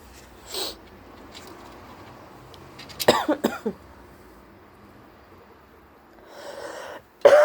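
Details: Hay fever sneezing after sitting outside in very high pollen levels, with a possible cold starting; a few short, explosive bursts ending in one loud sneeze.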